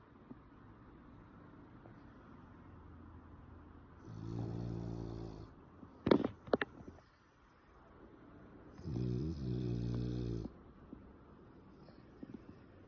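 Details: Sleeping French Bulldog snoring with eyes half open: two long buzzing snores on inspiration separated by a brief snort and smacking sounds in a quiet room; snoring.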